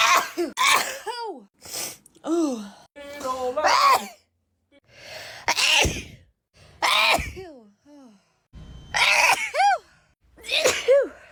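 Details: Back-to-back sneezes: a run of about eight sneezes in quick succession, each a sharp burst trailing into a high-voiced squeak, followed by laughter and snorts.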